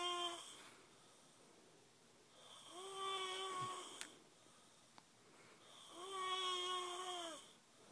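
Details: Long, high-pitched whistling snores with a steady tone, about three breaths in eight seconds; snoring with a whistle-like quality that sounds abnormal.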